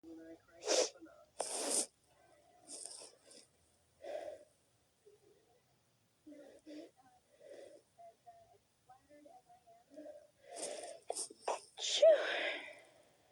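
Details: Person trying to stifle sneezes, some too strong to hold back: several muffled sneezes with sharp hissing bursts and quiet gasps between; stifled sneeze.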